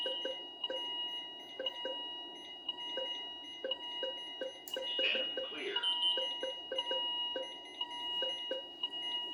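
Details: Philips IntelliVue MP30 patient monitor alarm sounds, ISO and traditional, with ZOLL E Series defibrillator sync and charge pressed manually after a no-shock advice; the rhythm comes from an ECG simulator.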